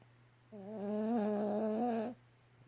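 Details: Yorkie dog snoring loudly: a single long, buzzing tonal snore of about one and a half seconds over a steady low hum.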